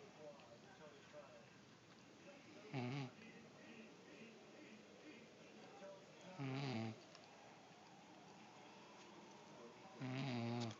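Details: Mother snoring during sleep: three loud, buzzing snores about every three to four seconds over quiet room noise; ordinary snoring.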